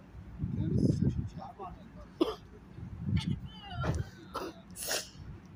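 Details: Coughing fit after running and walking a mile: a run of short, harsh coughs in quick succession.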